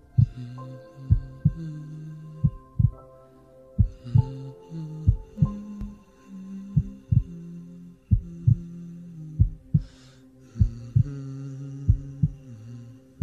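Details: Steady soft heartbeat thumps under a man's low humming in a sleep and relaxation recording meant to mimic lying on his chest; ordinary heartbeat.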